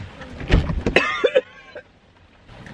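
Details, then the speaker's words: Woman 14 weeks pregnant, still severely sick, vomiting outside her car in the rain: several harsh, strained retching heaves with a gagging voice, then quiet; she says talking about how she feels makes her vomit. "I just had to barf outside my car in the rain thought it was done got back in just threw up some more so I'm 14 weeks and still barfing"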